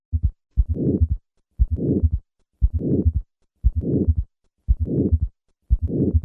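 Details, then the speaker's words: Aortic stenosis with both S3 and S4: slow regular heartbeat with extra low-pitched sounds and a harsh, late-peaking mid-systolic ejection murmur, presented starting with S4, then S3 added, then the murmur. "Listen to a patient with aortic stenosis and both a third and a fourth heart sound. I will begin with the fourth heart sound, then add the third sound, and finally the murmur."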